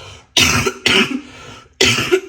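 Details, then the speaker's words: Three harsh, rough coughs in quick succession with room noise behind, from an adult sick with a cold or flu. She says she woke from a nap even sicker and has never had a cough like this; she is taking Fervex. "vous entendez la toux? J'ai jamais eu une toux comme ça de ma vie."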